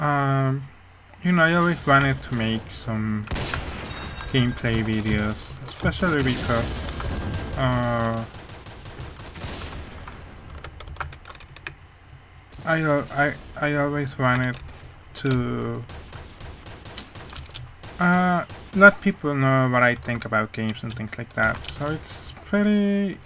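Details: Male speaker who attributes how his voice sounds mainly to a hearing problem, not his accent; speech of a person with hearing loss.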